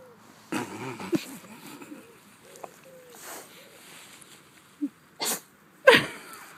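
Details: Two pet pigs rooting about, then sneezing: quiet grunting and snuffling followed by a few sharp, sudden sneezes near the end.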